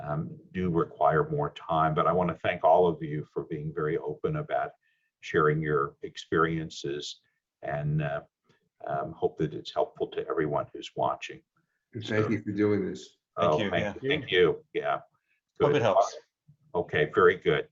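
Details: Adult male speaker; ordinary speech.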